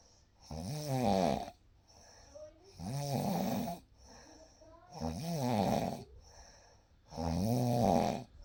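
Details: Real night recording of sleep: four slow, regular voiced snores, about 27 a minute, each with a quieter breath between, in a quiet room; snoring.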